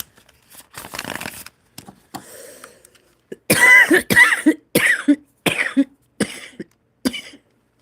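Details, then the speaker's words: Soft rustling, then a coughing fit of about six forceful, harsh coughs in quick succession in a small room, from an adult streamer with a bad cold. "oh excuse me guys that one really got me"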